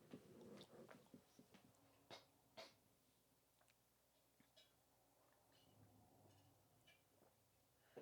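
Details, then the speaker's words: An adult coughing who feels something stuck in the throat, likened to a dog with a stick stuck in its throat: a few short, harsh hacking bursts in a small room. "currently coughing and it sounds like when my dogs Ew It sounds like my when my dog has a stick stuck in his throat."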